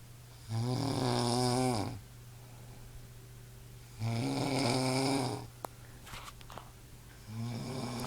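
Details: Person passed out asleep, snoring loudly: buzzing, vibrating snores about every three and a half seconds, roughly 17 breaths a minute, with quiet gaps between; typical snoring.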